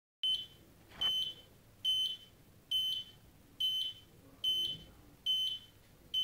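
Regular high-pitched electronic beeps, about 71 a minute, from a cardiac monitor tracking each heartbeat.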